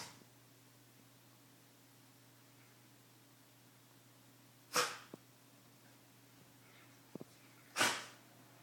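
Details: Shiba Inu with allergies sneezing: two sharp, explosive sneezes a few seconds apart in a quiet room.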